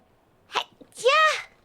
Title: Vtuber Sneezes Again!